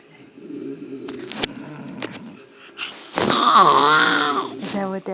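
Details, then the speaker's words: Simulated snoring: a young child imitates her father's snoring with a drawn-out, snorting, voiced rasp after soft room sounds; playful imitation, not real snoring. "Oh, she was trying to imitate Daddy snoring."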